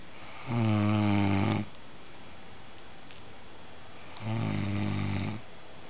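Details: Man snoring hard after a weekend of MD: two loud, rattling, buzzy snores about three and a half seconds apart, each lasting about a second, with quiet room noise between; snoring.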